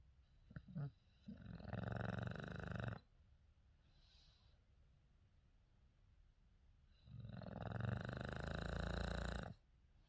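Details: Female English Bulldog/Shar Pei mix: two long, rattling, low snores several seconds apart with quiet room noise between; dog snoring.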